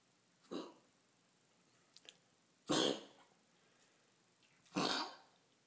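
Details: Dog with kennel cough gives three harsh, honking coughs with gagging edges, recorded at 7:00 am.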